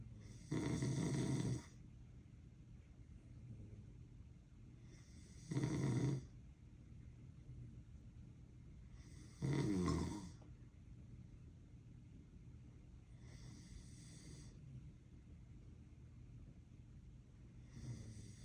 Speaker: I told my mother I don't snore, but she caught me doing this.